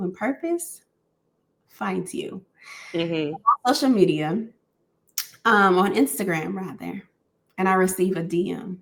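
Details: Adult woman who has stuttered for 31 years and belongs to a support group for Black women who stutter; stuttering.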